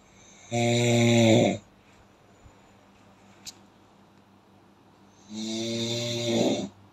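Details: Real human snoring sound effect.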